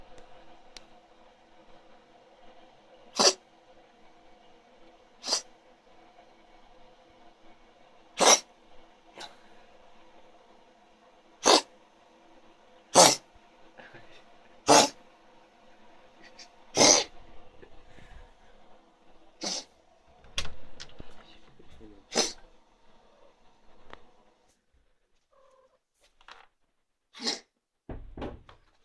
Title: Poor Kitty having a Cough, other cat concerned